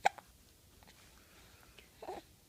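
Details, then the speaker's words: Three-month-old baby boy with hiccups: a sharp, quick hiccup click then a softer one about two seconds later in a quiet room. Hiccups. "no are you annoyed because you have the hiccups probably watching TV"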